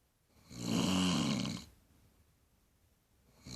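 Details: A mother heard snoring loudly while asleep in her bedroom, recorded on a phone: one loud, rough, rattling snore lasting about a second, followed by quiet; heavy snoring.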